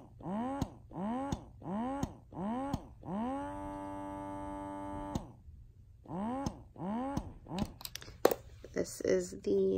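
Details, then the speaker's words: Electric breast pumps running uncovered, without tubing: Freemie Liberty, Spectra S1, Motif Duo, Baby Buddha and Medela Pump in Style, compared for loudness. Rhythmic rising whirring cycles about one per second, with a longer held cycle. "so this is the free me Liberty pump the spectra s1 the motif duo baby Buddha and the medulla pump in style this is how loud they are"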